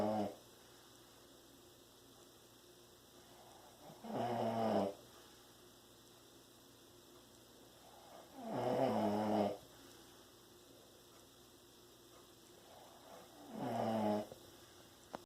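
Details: Sleeper with three loud, rumbling snores on the in-breath, about 13 a minute, separated by quiet breathing: ordinary heavy snoring.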